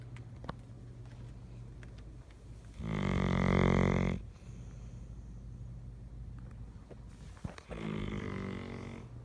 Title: Snoring doggo